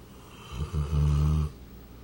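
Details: A single deep, rumbling snore on one inhaled breath from a sleeping 200-lb St. Bernard; real dog snoring.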